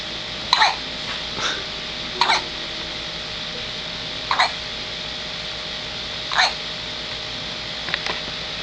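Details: 9-day-old baby boy with a hiccup attack: six short, sharp gulping hiccups at irregular intervals over about eight seconds against room hum; hiccups.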